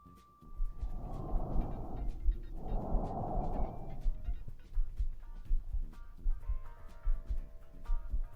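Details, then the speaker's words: Soft rushing airflow in two smooth breath phases through a stethoscope over the chest, with background music; normal lung breath sounds in a teaching example. "Ahora escucharemos un poco de lo que son los ruidos normales."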